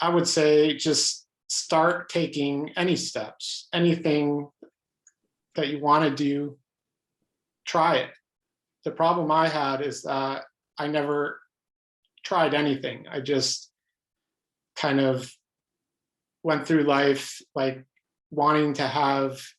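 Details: Adult man who stutters, pattern described as mostly blocks, speaking spontaneously in a real interview; stuttering with blocks.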